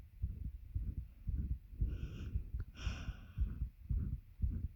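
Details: Heartbeat recorded with a bed pressing on the chest: steady low thumping at about 110 a minute with a louder breath mid-clip; fast regular heartbeat under heavy breathing.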